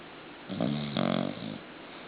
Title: danno - leuk/da - snoring